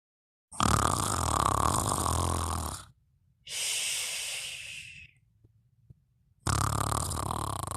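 Loud rasping snores alternate with hissing breaths through the nose and brief quiet pauses, typical of snoring during sleep.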